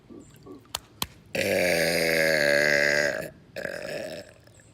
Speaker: the frogs mistake my burps for a mating call because that's exactly how they're sound so we're gonna be burping to them and see if we get a response